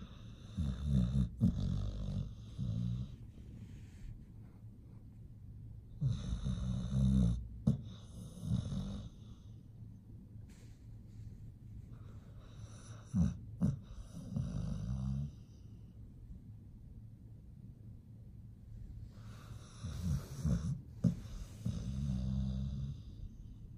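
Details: Pit bull dog snoring steadily during sleep, with low rattling snores about every six seconds.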